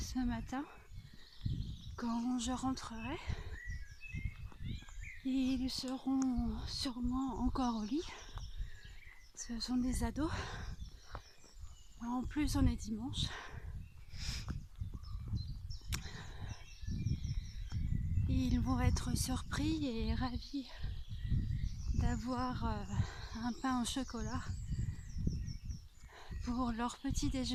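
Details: Adult French-speaking woman with a stutter that limited her life until two or three years ago; she uses a speech-therapist-taught technique and finds talking while walking still hard; stuttering.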